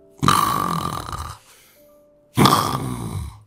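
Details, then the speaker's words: Two loud, rough snoring breaths separated by a quiet pause, imitated to show the tongue falling back during sleep, blocking the airway and then reopening it; imitation of obstructive snoring. "자 잠을 잘 때 혀가 이렇게 늘어져 버리기 때문에 기도가 이렇게 막힙니다 여기 보시면 기도가 막히죠 이렇게 그래서 숨소리가 이렇게 되다가"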